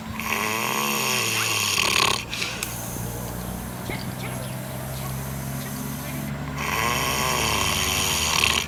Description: Saw this god all mighty ugly pig on this farm in New Zealand and it was snoring like a trooper, funniest thing I've seen for a while.